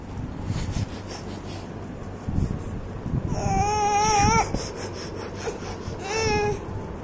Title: Baby teething sounds